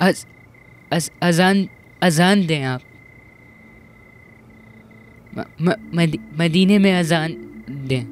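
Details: Acted portrayal in a dubbed film of a child who stutters, with repetitions; stuttering.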